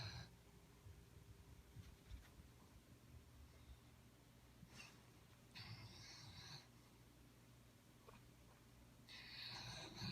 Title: My Dog Snoring and Wiggin Out in His Sleep